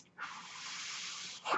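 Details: Mechanical ventilator breath cycle from the podcast speaker's own ventilator, heard while the speaker talks.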